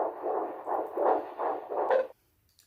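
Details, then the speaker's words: Fetal heartbeat on handheld Doppler at the midwife appointment, 12 weeks 3 days, fourth pregnancy, first time hearing it: rapid whooshing pulses at about 155 beats a minute, a normal rate. "But back to my midwife appointment, I did just want to say that this was the first time that I have heard my baby's heartbeat."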